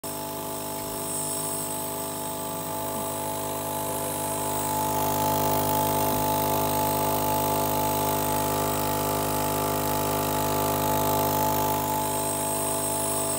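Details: Nebulizer compressor running during an asthma breathing treatment: steady mechanical hum and buzz throughout.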